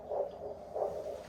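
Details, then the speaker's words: Doppler check of the pedal pulse by a paramedic during tourniquet testing: flow present with a biphasic, heartbeat-like beat. "we've got some flow there. You can hear the biphasic beat. Sounds like a heartbeat. That's good."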